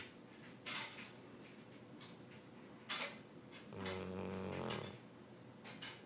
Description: This is how Sully snores every night... imagine sleeping next to that!! He cracks me up.